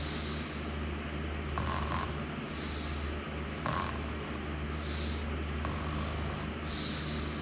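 Soft snorting breaths about every 2 seconds over a steady low hum: light snoring.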